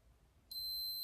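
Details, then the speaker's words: Single high-pitched beep from a glucose meter after blood is applied to the test strip, in a person with type 1 diabetes; reading 10.2, a little above the normal 4–7. "will beep and then start loading. Okay, 10.2. That's not horrible."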